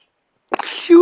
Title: 12 sneezes record